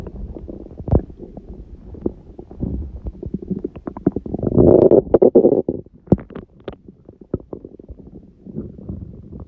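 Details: Loud, irregular belly gurgles and rumbles with a longer bubbling stretch midway, recorded at 1:30 am after waking, six hours after overeating udon at 19:30; owner suspects gluten; borborygmi.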